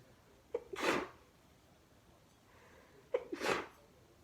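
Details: Sneezing fit of 26 sneezes caught while watching TV: two sneezes about three seconds apart, each with a quick inward catch of breath before the burst, in a quiet room.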